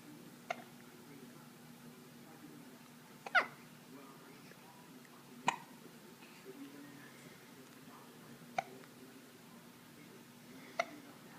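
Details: Five brief, sharp hiccup sounds at irregular intervals over about eleven seconds in a quiet room: hiccups in a 5.5-week-old infant girl.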